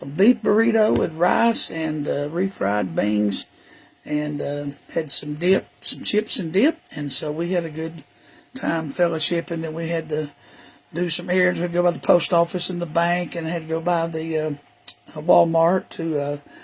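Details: Adult man with HPV-caused recurrent respiratory papillomatosis after H1N1 in 2010; papillomas surgically removed, surgical vocal cord damage, web over the bottom third, years of false vocal fold phonation, later cancer treatment; constant cough: dysphonia from recurrent respiratory papillomatosis.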